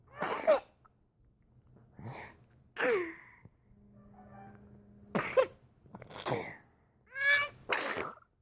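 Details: Daughter's random coughing fit of unknown cause (parents suspected an allergy, unconfirmed): a child's run of about seven repeated sharp coughs, some with a squeaky, high-pitched edge.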